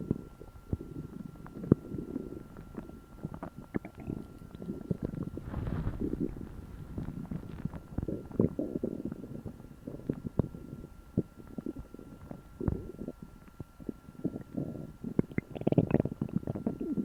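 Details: Repeated low gurgling and rumbling stomach noise over about 17 seconds, recorded after eating a meal for the first time in a while: borborygmi, normal bowel sounds.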